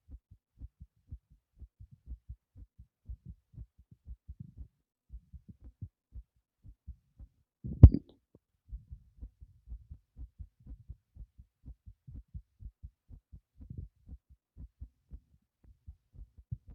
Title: Heart pumping after lifting a heavy object #heartbeat #heartsounds